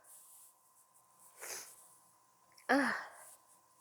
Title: trying to hold back my sneeze (f)